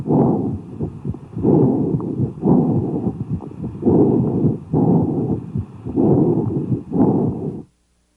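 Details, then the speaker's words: Amphoric breath sounds over a lung cavity: hollow, blowing breaths, expiration as long as inspiration but lower in pitch, with a pause between phases, heart tones audible. "these sounds are also called em forest breath sounds expiration is equal in length to inspiration but lower in pitch there is a pause between inspiration and expiration and the heart tones are audible"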